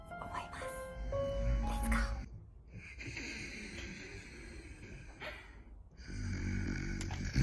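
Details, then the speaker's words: Snoring from an adult man (husband) asleep before a water-gun wake-up prank: low, rumbling snores partly masked by background music. "皆さん聞こえますかえっと旦那がいびきかいて寝てるので寝起きドッキリをしたいと"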